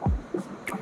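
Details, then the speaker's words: Rapid, soft whooshing thumps on ultrasound of a woman in her second month of pregnancy with abdominal pain, previously told no heartbeat; normal early fetal heartbeat detectable by six weeks. "Heart beat వింటున్నారు కదా happy భయం పోయిందా ఇప్పుడు yeah చాలా early pregnancy లోనే మనం heart beat detect చేయొచ్చు by six weeks"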